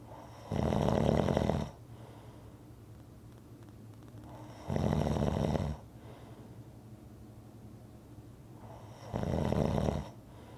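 Three deep, rumbling snores on inhalation, roughly every four seconds, with quiet breathing between; regular snoring during sleep.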